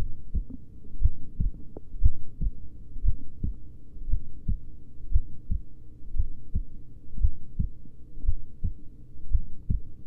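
Steady paired lub-dub thumps at about 57 beats a minute over a low hum: a slow heartbeat.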